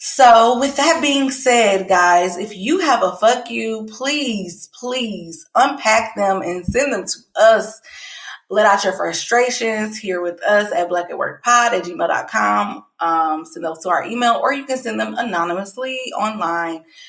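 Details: Adult woman speaking; Ordinary speech.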